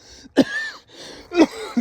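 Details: Adult man's cough, summer cough or from singing too much: two short, sharp coughs, each with a brief voiced tail like throat clearing.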